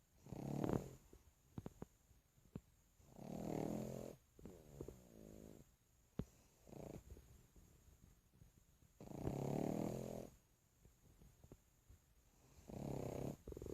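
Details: Loud, rattling snorts with breathing, about 14 a minute, some with a brief whistling sound between them; a pug snoring.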